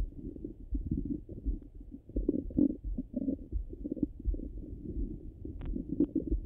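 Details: Stomach sounds over the abdomen, recorded in both hungry and full states: low gurgling and rumbling with irregular bubbly bursts, normal bowel sounds.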